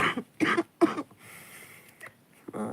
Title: chest cough